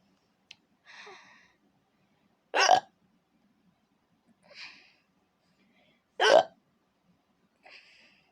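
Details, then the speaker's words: Woman with repeated hiccups, sharp and abrupt roughly every three to four seconds, each followed by a soft breathy after-sound; hiccups. "And also, if you guys want to make some hiccups, my advice is to not try to swallow the hiccups. That's how you end them faster."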